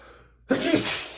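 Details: Adult male with dust allergy sneezing while reading aloud from a dusty book; a short breath in, then one sudden forceful single sneeze.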